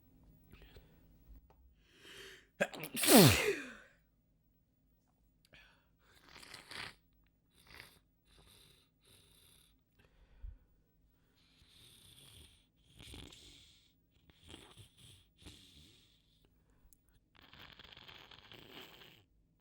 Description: It felt so so good to let these out in full force~ Mucus was dripping down my face by the second sneeze.